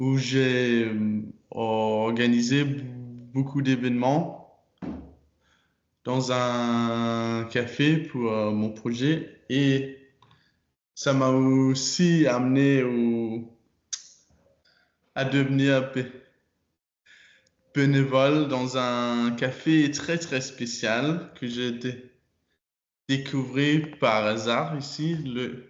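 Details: Stuttering in a 22-year-old man speaking French, with repetitions and blocks. His stutter was very strong when he was younger and still affects him.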